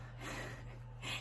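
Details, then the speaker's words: Sleeping dog, paws moving as if running in his sleep: a brief snorting, noisy snoring breath over a steady low room hum. "if you hear that in the background my dog is snoring he's a pickle"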